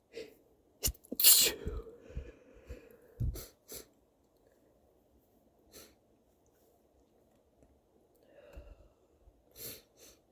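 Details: Person sneezing: a loud explosive sneeze early, then a few smaller stifled sneeze-like bursts and catches of breath, including false starts.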